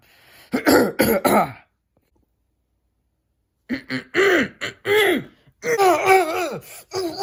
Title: *cough cough*